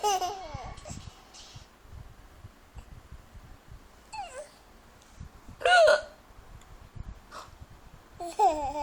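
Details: Several sharp, abrupt hiccups from a person while a baby laughs and babbles at them in a quiet room; hiccups.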